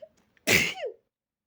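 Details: While practicing softer sneezes, a short inward breath, then one sharp, loud sneeze with a high-pitched vocal tail; explosive sneezing.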